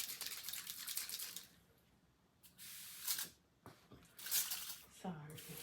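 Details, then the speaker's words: Rustling, then two short hissing bursts of a lidocaine spray that feels very cold, applied for pain in a role-played ASMR physical therapy shoulder exam of a man with a muscle strain: aerosol spray. "I'm going to go in with a little bit of oil and just pry a nice pretty small amount of Lidocaine it's just going to help with some of that pain okay this is very cold"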